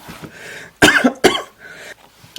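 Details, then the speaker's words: Two sharp, loud coughs with soft breathy sounds around them, triggered by laughing in an adult with asthma who describes asthma-like coughing while laughing. "i'm having some asthma hairs like coughing um as i'm laughing but that was pretty funny"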